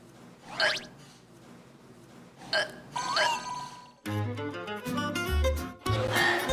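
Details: Hiccups from an adult woman over music.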